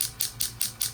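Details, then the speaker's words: Rapid regular sharp clicking pulses, about five per second, from a low-level shockwave therapy device treating chronic right ankle pain from a partial tear of a lateral ankle tendon, complementing PRP injections. "I also recommended several sessions of low-level shockwave therapy which is exactly what we're doing today and again the reason why we're doing this is the complement everything else including but not limited to the PRP injections"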